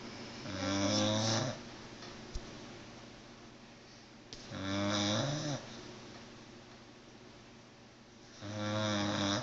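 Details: Sleeping pit bull snoring very loudly: rumbling snores, three in about nine seconds (roughly 15 per minute), with quiet exhalations between them.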